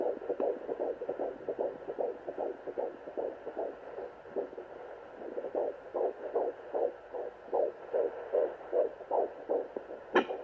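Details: Sonoline home fetal Doppler at 14+4 weeks of pregnancy, first use: fast, rhythmic galloping whooshes at roughly 150 per minute, fading briefly mid-clip; fetal heartbeat.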